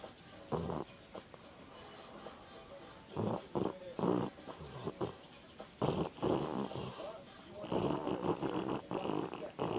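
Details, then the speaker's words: Sleeping girl snoring oddly: rough, rattling snores in irregular bursts with quiet gaps, some snort-like, over faint room noise. "She's asleep and she's snoring freakishly creepy."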